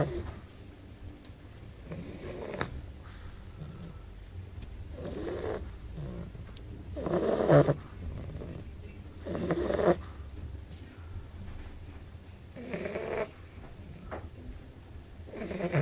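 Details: Bulldog snoring during sleep: irregular snorting snores every few seconds over a steady low room hum.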